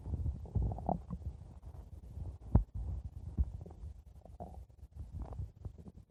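Low, irregular gurgling rumbles with a few sharper pops: ordinary stomach growling from gas and fluid moving through the gut.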